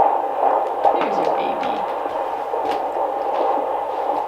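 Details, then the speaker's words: Normal fetal heart tones on Doppler at a prenatal visit late in pregnancy, mother with earlier high amniotic fluid: fast, regular whooshing pulses at about 140 a minute over Doppler hiss. "Yeah, I'm not hearing anything. It sounds really good."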